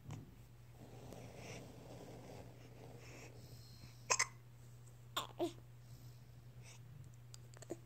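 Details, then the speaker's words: Hiccups: soft, sharp, abrupt catches recurring every second or so against a steady low room hum. "Those are some hiccups, pal. Oh, buddy."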